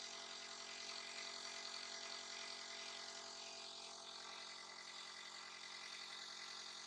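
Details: Steady motor buzz with a constant hiss from a nebulizer compressor giving a breathing treatment to a little one who coughs and sneezes; nebulizer running.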